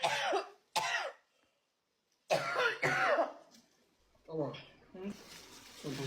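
A few sharp coughs with throat clearing, mixed with brief voice sounds; coughing fit after eating hot chili pepper.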